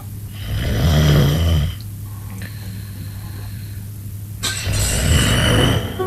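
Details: A sleeping female gives two loud, rumbling snores, each over a second long, over a steady low room hum. Snoring.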